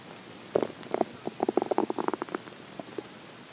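A run of short gurgling, bubbling pops from the belly: ordinary hunger growling, a normal bowel sound.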